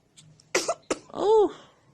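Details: Infant girl sneezing after waking, shortly after drinking 50 ml of milk and earlier hiccups: a quick breathy intake, a sharp double sneeze burst, then a brief whimper.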